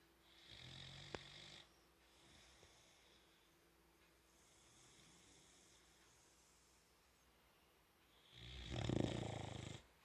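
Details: Soft snuffly snoring in a quiet room with one louder rasping snore near the end from a sleeping male boxer puppy with its tongue out.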